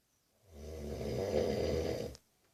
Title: My 19 year old brother snoring hahahahaha!